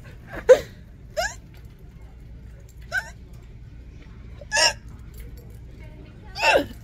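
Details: Five sharp, voiced hiccups over about seven seconds, about 45 a minute, while walking in a store, in a person with recurrent hiccups for about five years; diaphragm x-rayed by a doctor.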